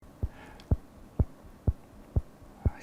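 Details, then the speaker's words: 26-year-old man's mechanical heart valve: six sharp, crisp metallic closing clicks at about 125 a minute over quiet room noise, audible from a couple of metres away. "that heartbeat is now the soundtrack to life for matt johnson and partner taylor it's been fast now what you can hear isn't a television sound effect it's audible from a couple of meters away"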